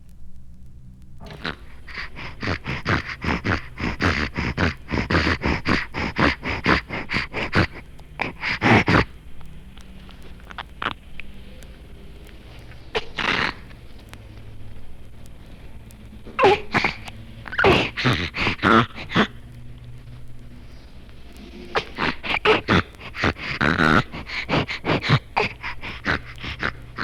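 Repeated noisy, snorting, rattly breaths from an infant in runs with pauses, the congested nasal breathing of snuffles from a blocked nose.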